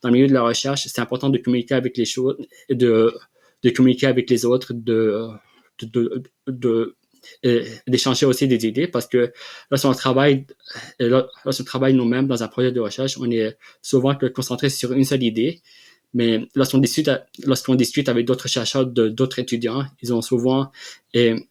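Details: Adult man, real, who has stuttered since childhood and received speech therapy interventions; stuttering.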